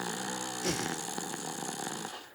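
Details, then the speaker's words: Short stretch of rough, rattling adult human snoring with a grunting, piglike quality, first guessed to be a baby boar before being identified as a human snoring. "Ça pourrait être un petit, tu sais, un vraiment un petit cochon bébé là. Trop mignon."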